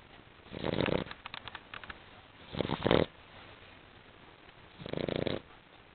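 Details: Sleeping female dog that snores and wakes at one point: three rough, rattling snores a few seconds apart, with soft snuffling between the first two. Ordinary snoring.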